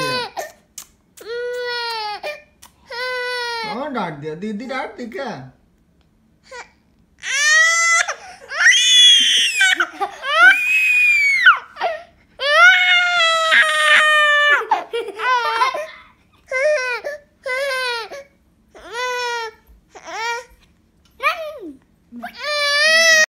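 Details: A baby cries in repeated high-pitched wails separated by brief pauses for breath; infant cry.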